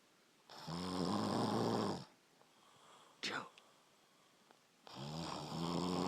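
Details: Brother snoring while asleep: two long, loud, rattling snores on breathing in, with quiet pauses and a brief sniff between them.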